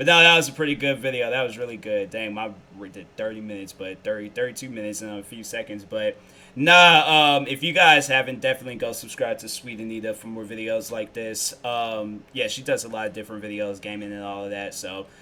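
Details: Adult male speaker; Normal speech.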